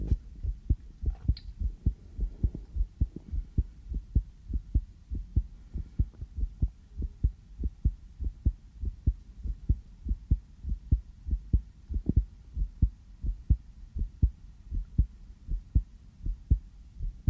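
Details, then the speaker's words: Person's own heartbeat heard through a sensitive stethoscope just after coming in from outside, felt to be fast; steady, regular lub-dub at about 98 beats a minute, on the fast side of normal: normal heart sounds. "저도 제 심장 소리를 이렇게 크게 듣는 건 처음이네요. 왜 이렇게 빨리 뛰지? 여기 와서 잘 들린다. 원래 이렇게 빨리 뛰나요?"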